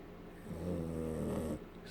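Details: Small border terrier dog, apparently tired, snoring like a piggy: one low, rattling, vibrating breath lasting about a second over room noise.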